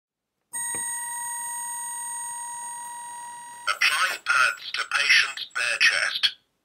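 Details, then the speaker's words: Qualsafe Mini AED trainer, which simulates defibrillation without a live shock: after power-on, a steady electronic tone, then a recorded voice prompt to apply pads to the patient's bare chest. "after inserting the batteries you turn the unit on by pressing the power button and start to follow the voice and visual prompts"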